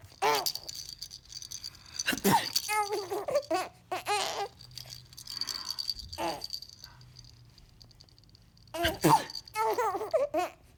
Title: Baby laugh at sneezing